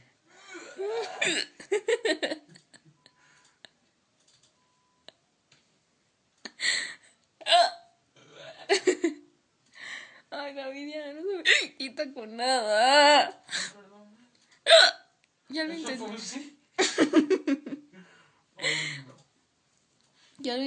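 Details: Latina woman who has had hiccups for about half an hour despite trying water and breath-holding, worse when laughing: repeated short, abrupt voiced catches mixed with giggling and laughter; hiccups.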